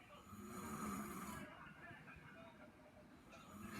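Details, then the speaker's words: Adult man (father) snoring loudly in his bedroom while asleep: a low, rough snore heard through room noise, with a television faintly in the background. "I was having a normal night, and I heard something in my mom and dad's room. That's my dad snoring."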